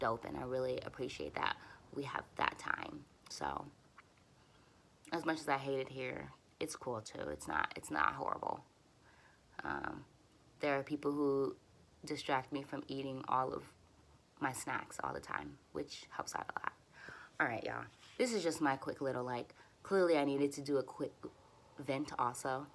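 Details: Stuttering in an adult woman who uses easy onsets, light contacts and voluntary stuttering for nearly fluent speech; she is frustrated and tense here and says her stutters are a little long.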